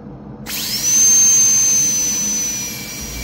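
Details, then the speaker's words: High-pitched whine of a dental high-speed handpiece starting and running steadily, then tapering, while the access cavity on anterior tooth #8 is extended further up during endodontic access preparation. "so we need to go a little bit further up so try to touch the laal wall and slide"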